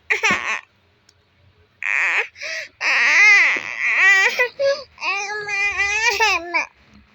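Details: Loud, wailing cries in repeated bursts with brief pauses from a baby who wants to breastfeed while the mother pretends to sleep and snore, in a small room; hungry, fussing infant cry.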